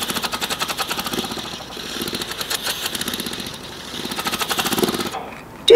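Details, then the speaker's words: Hand-cranked PEP airway clearance device used to move secretions in COPD: rapid rattling, fluttering pulses as breath is exhaled through while the handle is rotated, giving vibrating resistance. "you continue rotating it as you exhale and you can do it as you inhale too whatever works for you"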